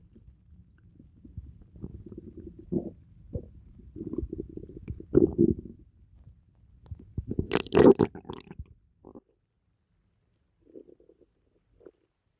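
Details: Bowel sounds after eating pizza: gurgling, rumbling stomach noises in irregular bursts.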